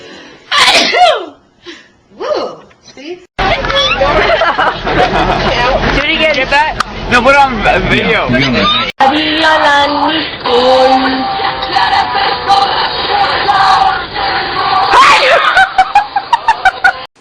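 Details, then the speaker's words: Short sharp sneeze-like bursts mixed with lively talking and laughter, in a sneeze compilation; one sneezer mentions allergies. "okay I think I need to sneeze hey coer okay um I have to sneeze allergies me his bless you bless you God bless you God bless you it's cuz you inhaled all"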